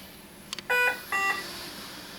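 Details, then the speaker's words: BiPAP auto-triggering on a V60 non-invasive ventilator: brief clicks, then two steady electronic beeps as it starts on its own when a respiratory therapist demonstrating setup breathes spontaneously through the mask; this is expected behaviour. "and you'll notice as i started to breathe the machine just kicked on automatically"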